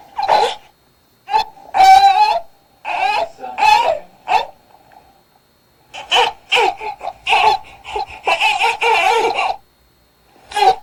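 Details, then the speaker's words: Newborn fussing cry from trapped gas and wanting to burp: short, high, strained, impactful bursts of crying that sound frustrated. "자 요렇게 답답한 소리를 들어보시면 좀 답답해 보이죠 확실히 그래서 아기들이 하고 소리를 많이냅니다"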